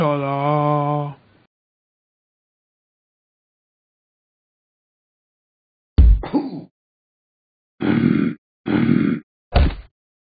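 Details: Simulated burping by the animated app dog Talking Ben burping the ABCs: one long, deep, drawn-out burp followed by several short gulping burps.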